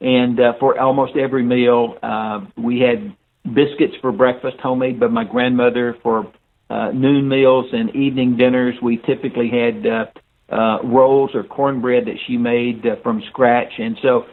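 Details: Older adult man; unaffected speech.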